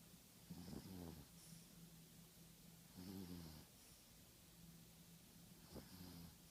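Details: Soft, low, fluttering snores about every 2.5 seconds over faint room noise from a sleeping Yorkshire terrier; snoring in a small dog.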